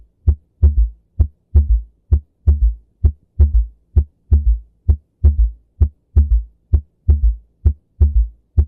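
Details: Regular heartbeat near 65 a minute with a low, dull extra sound trailing the second heart sound; third heart sound (S3 gallop).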